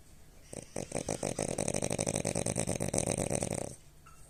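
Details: A rapid run of rough, fluttering snorts, about three per second, from a sleeping French Bulldog; snoring.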